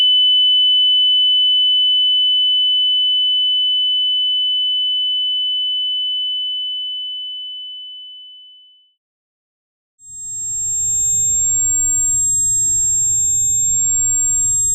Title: Ear Ringing Sound Effects